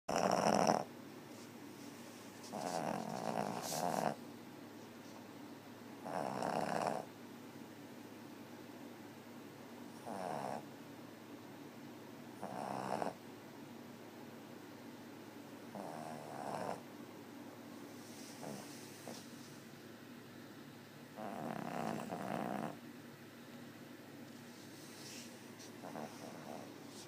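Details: Sleeping pet snoring in soft, rough bursts, about twenty a minute, against a quiet room; snoring.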